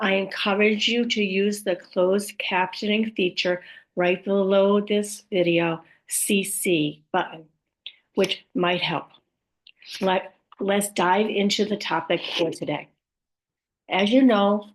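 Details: Woman with aphasia after a stroke, also reporting apraxia and dysarthria among her communication challenges; aphasia.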